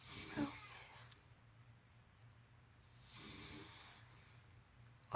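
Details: A father asleep snoring: two rattling inbreaths about three seconds apart in a quiet room; ordinary snoring.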